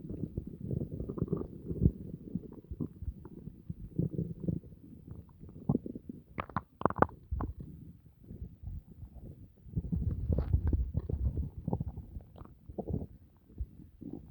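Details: Low, continuous rumbling and gurgling with occasional sharper squeaks after dinner; ordinary bowel sounds.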